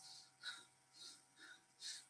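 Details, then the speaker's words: An adult imitates rapid, shallow, effortful panting: the laboured breathing (dyspnoea) of a breathless child with heart disease or heart failure, whose tissues are starved of oxygen. "will be breathless like this right what is he asking for it's oxygen tissues are badly asking for oxygen"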